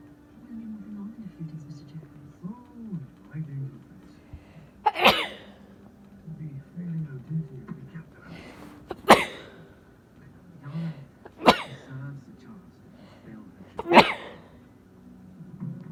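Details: Four forceful sneezes in quick succession over background TV talk: part of a sneezing fit of about 30 sneezes, which the person guesses is due to allergy season.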